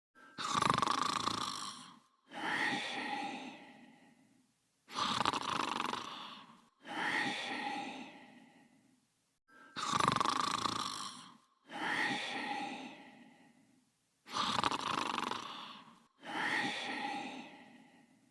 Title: Cooler Sleeping and Snoring in his Bed in 37 seconds